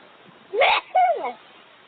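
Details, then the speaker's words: Huxley, a raven at a crow rescue society, gives a two-part sneeze-like call, a hissy burst then a voiced 'choo'. He is not actually sneezing but imitating a sneeze from one of the people working there. "A loud sneezing sound, and it did come from that raven. Huxley the raven, however, isn't actually sneezing."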